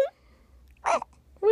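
A single short, sharp sneeze-like burst between brief bits of a child's voice. A small sneeze.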